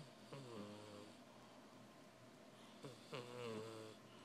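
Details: Pet cat snoring like a person while asleep: two buzzing snores about two and a half seconds apart, each with a tonal, slightly whistling rise.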